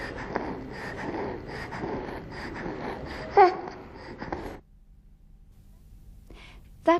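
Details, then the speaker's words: Child in a training exercise on distinguishing stridor from other noises: noisy breathing with brief musical whistles on breathing out; expiratory wheeze, not stridor (stridor is a harsh sound on breathing in). "we heard a wheezing sound when breathing out therefore we decided that did not have stride or stride or is a harsh sound on breathing in this child has wheeze when breathing out listen again"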